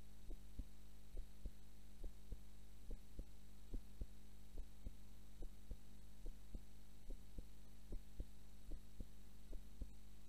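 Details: Normal heart sounds recorded during a nap, the subject having fallen asleep during recording: steady soft paired thumps at about 70 a minute over a constant low hum.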